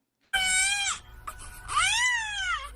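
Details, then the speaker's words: A newborn's cri-du-chat cry: two short, very high-pitched, shrill mewing cries like a kitten, in a case with microcephaly, round face, widely spaced eyes, small jaw and psychomotor developmental delay. "la consulta se revela que efectivamente el llanto es agudo y estridente."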